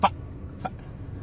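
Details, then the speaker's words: Vocal tic in an adult with Tourette syndrome. "i have tourette syndrome"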